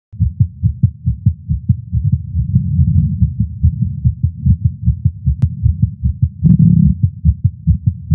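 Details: Male's heartbeat recorded with a Stemoscope while smoking a cigar after not smoking for a while, feeling lightheaded: rapid, regular heartbeat with strong low thumps, roughly 140 beats a minute; tachycardia after nicotine.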